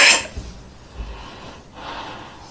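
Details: Comedian acting out a cough in a comedy compilation: a single sharp, harsh cough burst, followed by quieter breathy noise, acted cough.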